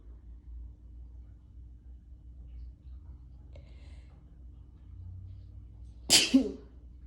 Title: Strong sneezes and a visual